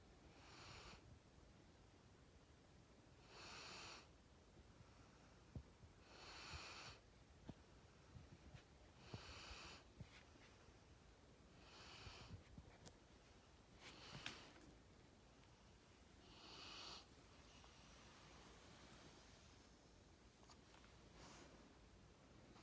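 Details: Quiet snoring while sleeping on a couch: soft, hissing breath noises at uneven intervals, about seven in twenty seconds, over faint room noise with a few clicks.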